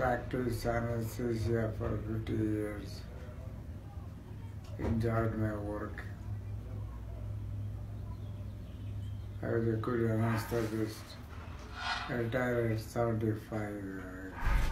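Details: Elderly man, a former anesthetist, diagnosed four years earlier with progressive supranuclear palsy, a neurodegenerative disease affecting balance, walking, coordination, eye movement, speech, swallowing and thinking; finding: dysarthria in progressive supranuclear palsy.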